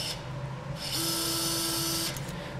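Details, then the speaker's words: Power driver with a steady high-pitched whine of about one second, driving a threaded K-wire straight across the toe joint toward the base of the toe for stability in FuseRight hammer toe surgery on a cadaver with limited bone quality. "and then drive the pin straight across to the base if you want to go just to the base of the toe with the threaded K wire so you have stability"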